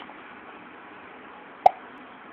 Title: Baby gets the hiccups